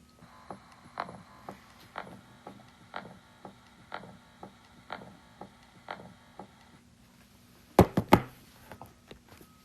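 Regular heartbeat near 60 a minute with a soft rushing sound between the beats, an aortic stenosis murmur.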